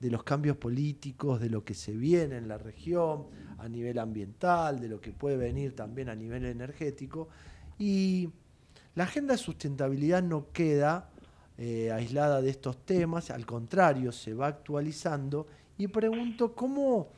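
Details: Adult speaker; Normal voice.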